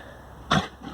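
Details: One sudden, forceful cough from a horse eating dry feed that had not been wetted, blowing the food out of her bowl against a quiet background.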